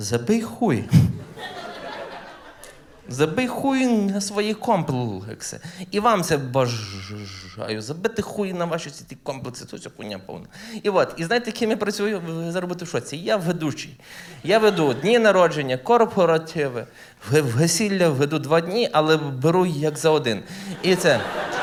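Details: Adult man who stutters, performing live stand-up comedy, with stuttering heard in his speech.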